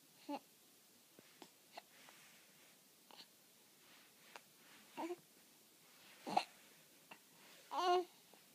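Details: Hiccups: soft, irregular short catches of breath with a few louder voiced hics in a quiet room.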